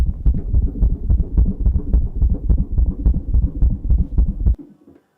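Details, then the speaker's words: Dog with cardiomyopathy: rapid, regular low-pitched heart sounds with an extra sound giving three components, a typical gallop sound (not gallop rhythm). "we call it the gallop sound and please let's call it gallop sound because in some text they call it gallop rhythm but it's not a rhythm it's a sound"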